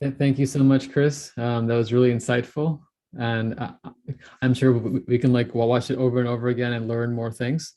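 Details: Adult man; normal speech.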